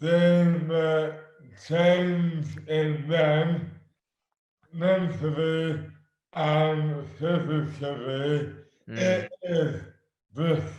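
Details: Adult man with dystonia, sudden overnight onset in 2008 (about 12 years before this 2020 recording) with no known cause, speech dramatically impaired and hands also affected; dysarthria due to oromandibular dystonia.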